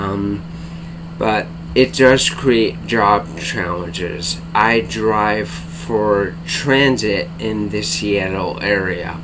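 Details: Adult man diagnosed with bulbar-onset ALS in April/May 2014, affecting speech, face, tongue and mouth muscles; tongue weakness, cannot speak rapidly, must take great care to speak clearly; dysarthria (bulbar-onset ALS).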